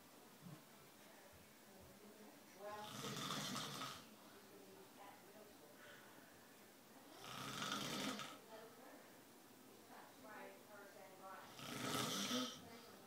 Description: Synchronized snoring